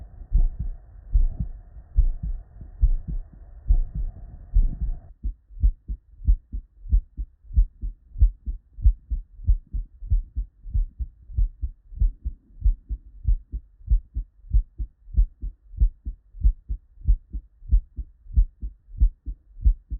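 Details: Real, unedited bedside recording of normal human heart sounds (S1 and S2) from patients with normal cardiac physiology, looped seamlessly into continuous listening.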